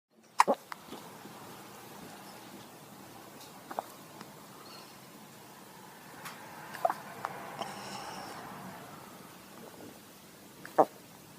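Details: Four brief, sharp hiccup-like clicks spaced several seconds apart over faint room noise; hiccups.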